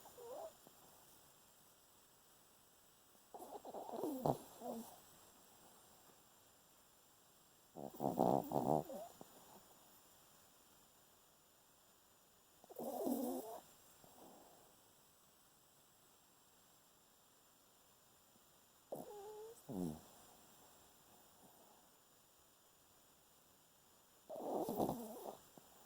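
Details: Senior Chihuahua, about 13 years old (exact age unknown, adopted), snoring in sleep with rhythmic rattling breaths about every five seconds, roughly 12 a minute.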